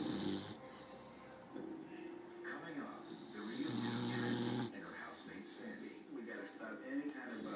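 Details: Very tired sleeper on a chair: drawn-out buzzing snores with each breath, with TV talk about dog behaviour in the background; snoring.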